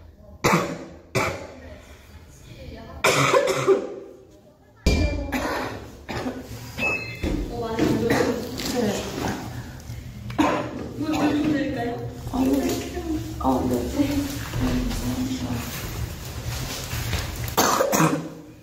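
A girl coughs repeatedly with sharp bursts and some throat clearing, mixed with breathy sounds and room noise.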